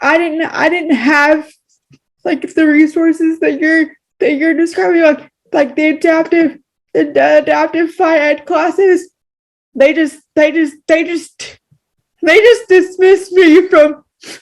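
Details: Woman with cerebral palsy who says pronouncing words takes her extra effort; speech with word repetitions in cerebral palsy (likely dysarthria).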